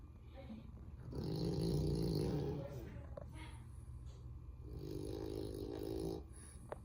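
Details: French Bulldog sleeping on a couch: two long, low, rumbling snores with snorting noise between them; snoring.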